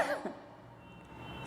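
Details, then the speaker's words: One short, muffled cough from an adult woman with a cough lasting a week after a cold, on medication, voice changed: cough, followed by quiet room noise. "फिर से खांसी आ गई। दवाइयाँ ले रही हूँ, लेकिन इतनी जल्दी खांसी जा नहीं रही।"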